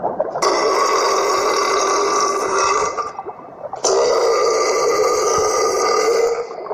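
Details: Two long, loud, rumbling belches, each about three seconds, with a brief pause between; ordinary burping likened to a dragon or dinosaur.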